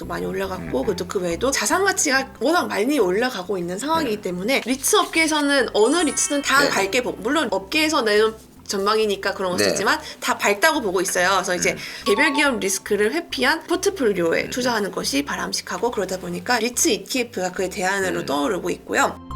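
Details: Adult woman speaking Korean; ordinary speech.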